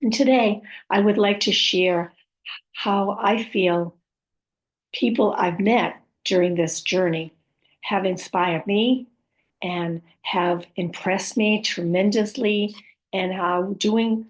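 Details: Adult woman with aphasia, apraxia of speech and dysarthria after a stroke or brain injury.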